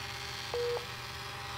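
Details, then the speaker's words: Philips Efficia DFM100 defibrillator strip printer running continuously with the correct original Philips paper loaded: a short steady electronic whir between two faint clicks. "Ayan. Reprint siya. Ayan, guys. Continuous yan, guys."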